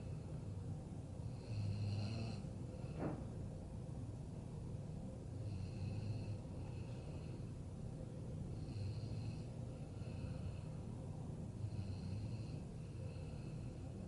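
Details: Snoring during night-time sleep: regular low, rumbling snores about every three to four seconds over a steady background hum.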